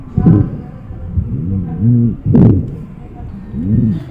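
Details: Rhonchi.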